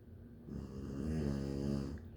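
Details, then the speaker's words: Small, very tired female sleeping too deeply to wake when called: a single loud, low, rumbling snore on an in-breath with steady vibration throughout. "How can something so little snore so loud?"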